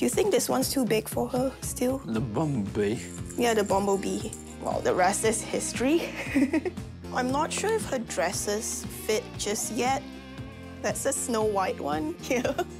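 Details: Adults talking, with background music; ordinary conversational speech.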